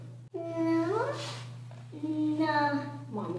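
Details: Hypernasal speech (rhinolalia) in a 5-year-old girl answering a therapist's questions; attributed to insufficient velopharyngeal closure during phonation from soft palate muscle weakness, making speech unclear.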